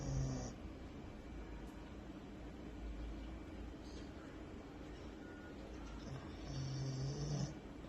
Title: Husky snores while sleeping